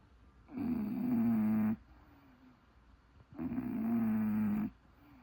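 Two long, loud, rattling snores on the in-breath, separated by quiet pauses: heavy snoring in a flat-faced dog.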